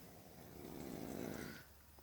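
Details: A single rough, rumbling breath noise rises and fades over a couple of seconds against room noise, from a person falling asleep in a camping tent: snoring.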